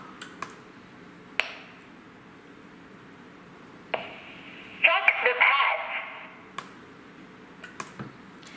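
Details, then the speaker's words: Sharp clicks and a tone, then a short synthetic voice prompt from an AED7000 automated external defibrillator just after its pads are connected and it is switched on, before it analyses. "the Second Step it will analysis we can follow the voice and the indicator lines prompts it's very easy to operate"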